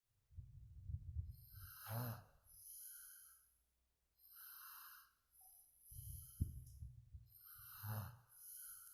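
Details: Sleep snoring: low rumbling snores on breathing in, about two breaths, with high hiss and chirping background noise.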